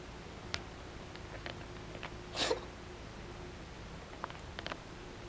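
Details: Cat starts throat-clearing coughs right after a meal; owner wonders if it ate too much; cat cough.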